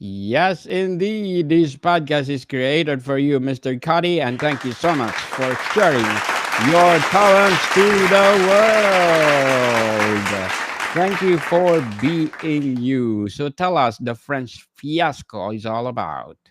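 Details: Adult male speaker; normal speech.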